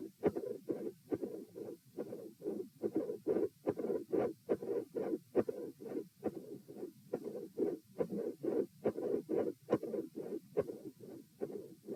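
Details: Auscultation stress test at position T while the patient lies, sits, stands, then lies again: regular heartbeat near 70 a minute with a rough midsystolic murmur and a split second sound.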